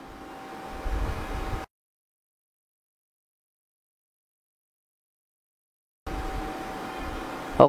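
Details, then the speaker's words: Nebulizer run on a charger to treat a quarantined pigeon with cough, cold and snoring breath, aiming to clear phlegm: steady mechanical hum with a faint constant tone, cut by several seconds of silence before resuming. "ini pakai casan kita Nebu terus ya sampai dahaknya pada keluar"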